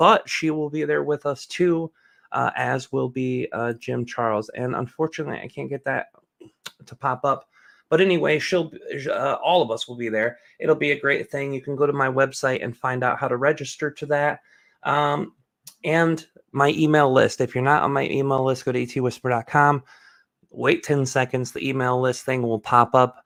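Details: Adult speaker; typical speech.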